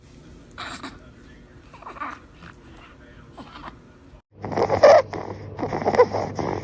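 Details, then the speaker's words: Inspiratory stridor in a baby around 12 weeks old with laryngomalacia, reportedly improving since week 8: noisy, harsh, snorting breaths repeating with each inhalation. "like. So there you have it. It can be quite disturbing."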